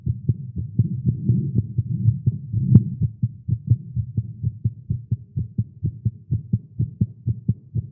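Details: Male's rapid low heart thumps at about 125 a minute, rhythm hard to judge, recorded live after exercising with caffeine; tagged irregular heartbeat; fast heartbeat.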